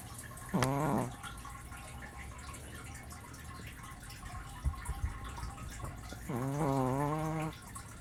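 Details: Brussels Griffon dog snoring loudly: two drawn-out, whistling, groan-like tonal snores a few seconds apart in a quiet room.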